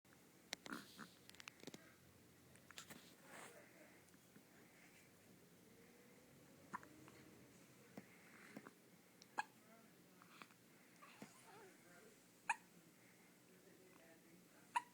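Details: Ten-day-old baby with hiccups: soft, brief clicking catches repeating irregularly, roughly 27 a minute, in a quiet room; hiccups.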